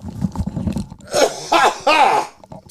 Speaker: can you mute this while I cough that's fine cough if you don't want to hear it block your ears